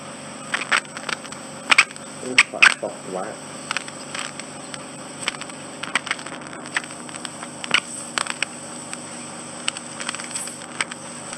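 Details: Steady suction hiss broken by sharp clicks and crackles as an impacted wax plug is drawn from the ear canal during endoscopic microsuction; regular client; temporary threshold shift observed during the suction.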